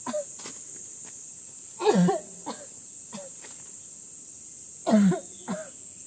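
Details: Woman whose body is weakened by illness coughing: two separate bouts of harsh coughing with a few fainter coughs between them, over a steady high-pitched background hiss.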